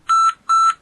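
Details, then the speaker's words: WHO pulse oximetry instruction for anaesthesia: two loud steady high-pitched beeps, the low-saturation emergency alarm signalling SpO2 below 90%, indicating hypoxia. "hay cuatro alarmas posibles emergencia de saturación baja alerta de spo2 dejo por debajo del 90% indicando hipoxia en"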